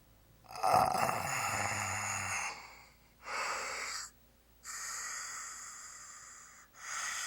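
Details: Snoring during sleep: a loud, rattling inward snore followed by several long, airy breaths in and out with quiet pauses between them.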